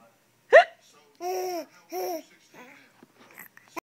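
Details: Adult having hiccups while a 3-month-old baby laughs: a single abrupt gulping hiccup, followed by the child's voiced laughter.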